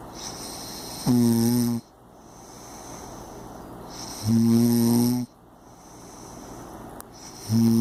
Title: Ronquidos impresionantes